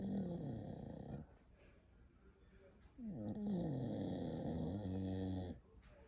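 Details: Loud, rattling, tonal snores on each breath with quiet pauses between, from a female dog sleeping with her eyes open; dog snoring.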